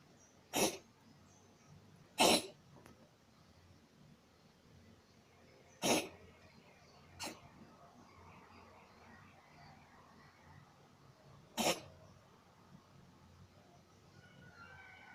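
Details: Cat with a deep cough that sometimes makes it vomit what it ate: five short, sharp coughing bursts at uneven intervals in a quiet room.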